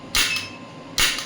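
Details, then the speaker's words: Electromagnetic radial shockwave therapy applicator on the elbow joint, set at 1 Hz with energy being increased from 5 mJ: two sharp snapping clicks about one second apart. "So as you can see I I'm increasing the energy now."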